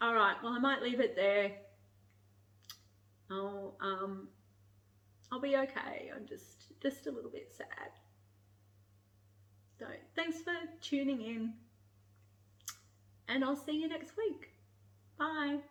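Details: Adult woman with motor neurone disease (ALS) and declining breathing, increasingly needing a breathing machine during the day, who runs out of breath when speaking; speech affected by ALS with breathlessness.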